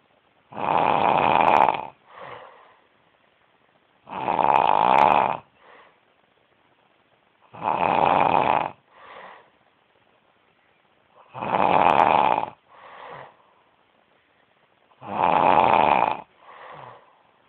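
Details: Loud, rattling snores on each in-breath, about 5 in 17 seconds, each followed by a short, softer out-breath; steady snoring.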